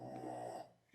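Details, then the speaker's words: A man snoring loudly in the background, likened to a little tractor; snoring. "vocês estão ouvindo o ronco do, né? Gente do céu, que tratorzinho, né?"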